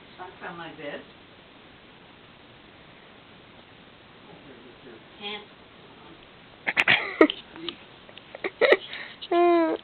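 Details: Elderly woman outdoors: several short, sharp voiced sneezes close together with brief vocal sounds between them; a run of sneezing.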